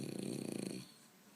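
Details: Sleeping dog snoring: one short, rattling, low snore lasting under a second, then quiet.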